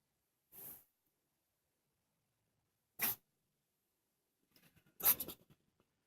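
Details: Female pet making a noise the owner can't identify (cough, sneeze, wheeze, choke or throat clearing?), recorded to show the vet: three short, sharp, hissing bursts a few seconds apart, typical of sneezes.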